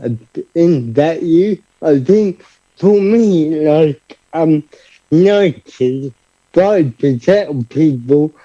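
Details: Adult man living with cerebral palsy who describes himself as having a speech impediment: dysarthria.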